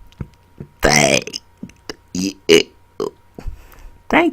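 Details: Deliberate burp-talking after dinner, trying to burp words such as "hey" and "hater": short, croaky belch-like bursts, some word-shaped, in a quiet room; voluntary burping on command.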